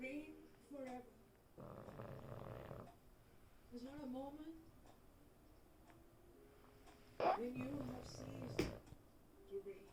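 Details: Sleeping pug snoring: rasping, snorting breaths, noisy flat-faced-dog snoring, with a man's praying voice in the background.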